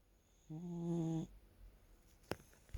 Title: It's all too much Loud snoring sausage #dogs #cute #pets